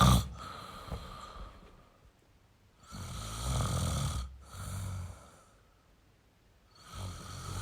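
Two long rough snores on breathing, with a quieter gap between them.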